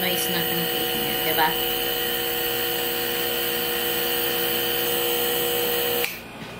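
Steady mechanical hum and buzz of a compressor motor that stops abruptly near the end; a compressor nebulizer running normally.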